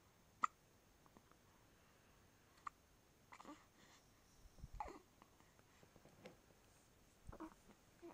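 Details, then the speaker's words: Infant girl with hiccups while drowsy, fighting sleep: soft, sharp hiccups every couple of seconds with faint breathing and fussing sounds between them. "SHB's got some hiccups."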